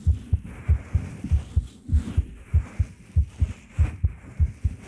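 Steady paired low thumps of a heartbeat, about 100 beats a minute, with faint room hiss.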